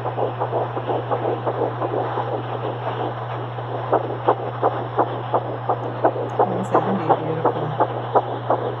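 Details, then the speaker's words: Fast, regular whooshing heartbeat, about 170 beats a minute, over a steady machine hum, recorded at the first pregnancy ultrasound appointment; fetal heartbeat. "that's okay because i got an awesome recording and this super sweet video of the baby's first"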